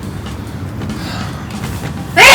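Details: Sneeze, called a cough by her partner, from a woman inside a tent during strong wind: steady wind and tent noise, then one sudden loud, sharp burst cut off at the end.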